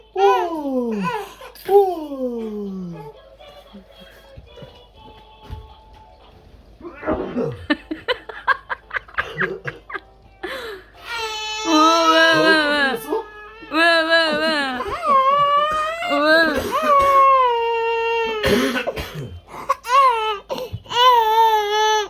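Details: A 5-month-old baby gives a short sneeze, then breaks into long, high, wailing cries.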